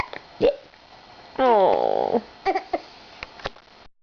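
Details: Several abrupt, brief hiccups, separated by quiet and a short voiced sound, recorded in a small room.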